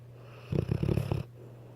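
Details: Weimaraner dog snoring: one short, rattling, fluttering snore lasting under a second over a steady low hum.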